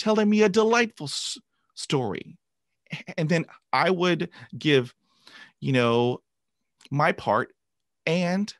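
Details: Adult man who began stuttering at age 5 after a traumatic dog attack and has had 20 years of speech therapy. Finding: stuttering.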